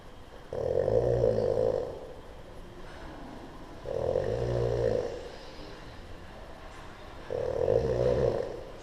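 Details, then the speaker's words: A stranger sleeping at night in Sydney international airport, November 2013, described as the loudest snorer: loud, rough, rattling snores every three to four seconds, about 17 a minute, over steady room noise: snoring. "so I'm trying to sleep Sydney Airport and that has proved impossible because of the [ __ ] buzzsaw lawnmower machine it is grinding away"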